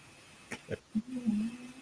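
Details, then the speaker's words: Snoring from a sleeping Chihuahua, heard in the background during a conversation and likened to the sound of wood being carved. "I think you're hear my chihuaha snoring okay oh no it sounds like the carving of wood wow that was a mighty impressive Chihuahua"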